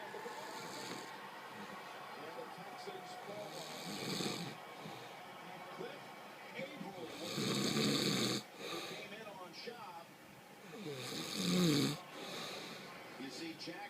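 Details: Adult man sleeping: loud, rough snores about every four seconds, heard over a televised football game in the room; snoring.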